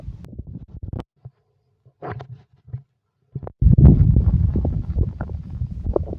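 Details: Stomach growling (borborygmi): low gurgling and rumbling bursts, broken at first and then a longer rolling growl, typical of normal bowel sounds.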